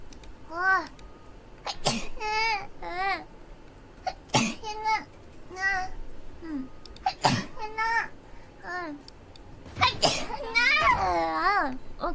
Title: dies from cuteness after watching Most Sneezes